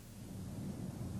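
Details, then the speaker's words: Patient says "99" as the examiner listens over the posterior thorax with the stethoscope diaphragm; these are transmitted voice sounds, demonstrating a normal finding rather than bronchophony. "voice sounds that are louder and clearer than normal are called Brophy 99 this time would you say e then have the patient say e when e sounds like a and has a nasal quality egophony is present"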